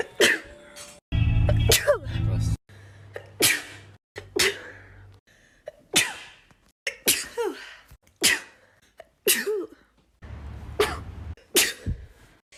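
About ten separate sneezes from different people, each a sharp explosive burst, with short music snippets between some of them.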